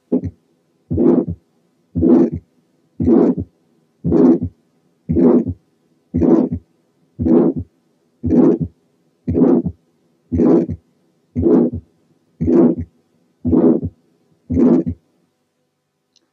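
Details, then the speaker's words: Ventricular septal defect with a short systolic murmur lasting only to mid-systole: regular heartbeat near 58/min. "تعالوا نسمع ventricular septal defect مع short murmur موجودة بس لغاية الميدل بارت اوف سيستلي."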